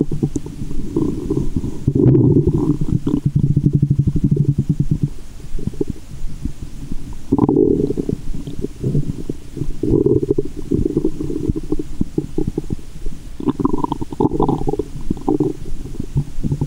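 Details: Stethoscope over the belly button after candy and fizzy Japanese soda, with belly waves: loud continuous gurgling and rumbling with bursts of sloshing; active bowel sounds (borborygmi).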